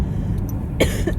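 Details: Single short cough over low outdoor rumble, from an adult sick with probable influenza (flu-like illness for several days, fiery sore throat), recorded outdoors.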